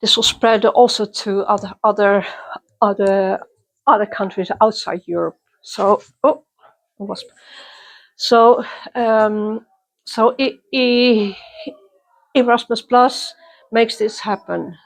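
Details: Person who stutters, interviewed at a youth exchange for people who stutter or clutter; part-word and word repetitions; stuttering.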